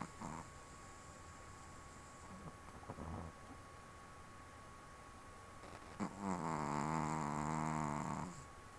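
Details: Female Chihuahua asleep around midnight, with eye movements during sleep, snoring: soft snorts, then a longer buzzing, rumbling snore against steady room hum.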